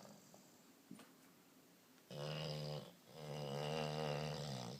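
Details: Sleeping bulldog: two rough, vibrating snoring breaths with a low rumble in a quiet room; dog snoring.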